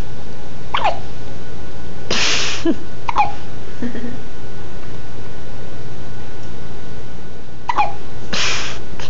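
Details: Girl's hiccups: a few short, sharp hiccup sounds at irregular intervals over steady background hum.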